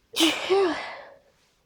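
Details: At the tail end of an allergy sneezing fit tonight, a single forceful sneeze with a sharp voiced burst trailing into a hiss. Allergy sneezing.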